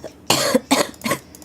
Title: Girl coughing 91